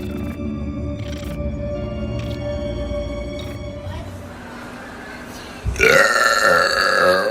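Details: Girl burping in a TikTok compilation: a loud, drawn-out burp near the end over background music.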